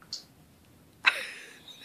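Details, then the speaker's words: Adult's first use of a prescribed Flonase nasal spray for colds with fluid in the ears: a faint click, then a sharp hissing spray burst fading over about half a second as the pump is pressed into one nostril while inhaling. "that it yeah know breathe it in that was nothing well maybe it wasn't okay that was more than one spray suck it in"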